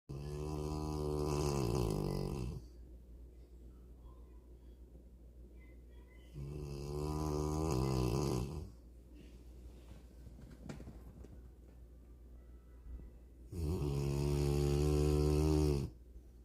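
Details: Rottweiler snoring: long, loud, rattling snores lasting about two seconds each, roughly every six to seven seconds, about 9 a minute; deep snoring in a large dog.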